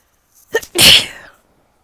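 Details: Short in-breath then a single sharp, explosive sneeze from a woman who says mangoes sometimes make her sneeze; an ordinary sneeze.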